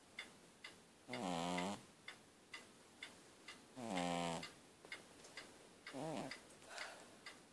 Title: snoring cat